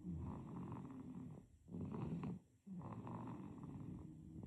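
Gentle, rumbling snores from a sleeping baby, two breaths separated by short quiet gaps.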